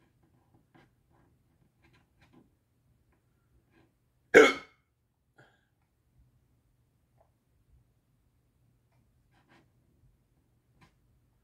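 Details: Person with persistent hiccups, saying it is the fourth bout today: a single sharp, abrupt gulping sound in quiet; hiccup.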